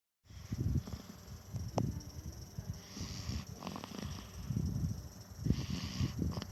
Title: Bayi ngorok ...